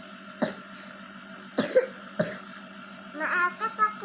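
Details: Three short dry coughs from a child on a nebulizer for recurring shortness of breath, which flares after swimming, then brief vocal sounds over the steady nebulizer hiss; cough.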